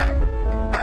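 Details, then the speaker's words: Wet, productive cough in a child: a single brief cough burst over background music, an example of a cough that starts barely productive and becomes wetter. "ло а приступообразный он сначала малопродуктивный а потом становится влаж нее влаж нее и уже переходит в продуктивную фазу"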